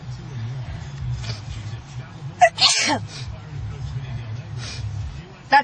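A single abrupt sneeze bursts out over steady road noise and low chatter.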